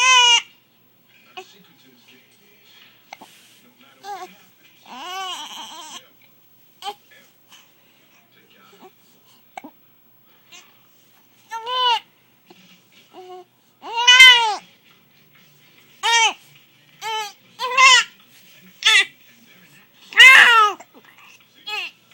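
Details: 1-month-old infant with hiccups: brief, high squeaky catches of voice repeating irregularly.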